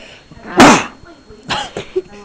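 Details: Father: a single loud, explosive adult sneeze with a sharp voiced onset, followed by quieter household sounds and soft voices while talking to a baby; sneeze.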